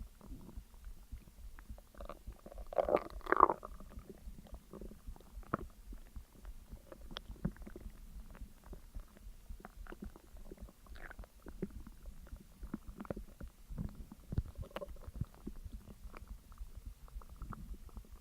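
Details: Bowel sounds (borborygmi) after eating a McDonald's meal of double cheeseburger, large fries, large coke and caramel McFlurry: gurgling, bubbling abdominal rumbles with a louder early burst during active digestion.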